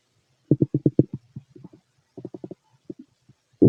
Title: Fit male stomach growls